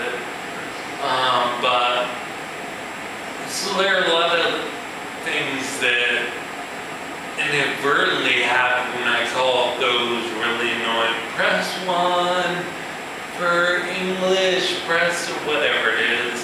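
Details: Adult man with ataxia, a progressive neurological disorder in which cerebellar cells die, affecting his balance and speech. Real speech showing ataxic dysarthria.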